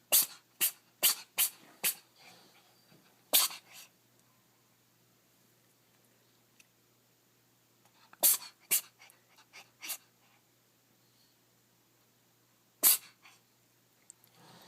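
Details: Cat sneezing: about ten short, sharp sneezes, first in a rapid cluster and then in separate bursts.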